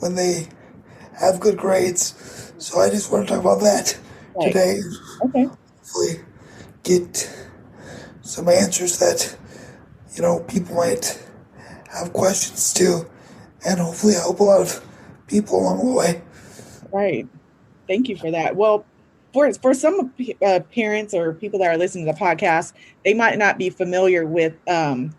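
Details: 22-year-old man with cerebral palsy affecting his muscles, muscle tightness making talking harder; dysarthria (cerebral palsy).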